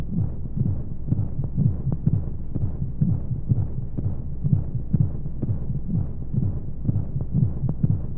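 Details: Womb-sound baby sleep aid with white noise: steady low thumping heartbeat, about 125 beats a minute, over a soft rushing hum, like a heartbeat heard from inside the womb.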